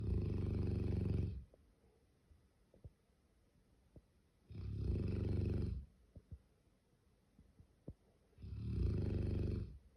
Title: He snore like Human😂 #bigdog #dog #doglover #canecorso #funny #funnyvideo #funnyshorts #trending